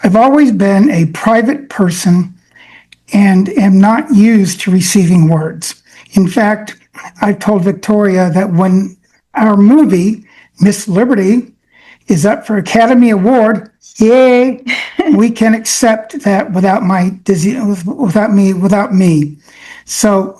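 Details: Adult man with aphasia affecting his brain's language centers, reading prepared remarks because speaking is harder; aphasia.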